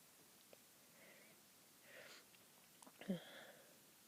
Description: I woke up quite sneezy and recorded a few. Hope it's not a cold!